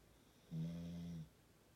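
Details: Extreme snoring said to shake the sleeper's body: a single low, humming snore lasting under a second in a quiet room.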